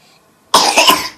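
A young child gives a short, harsh, dry-sounding cough with no rattle of mucus.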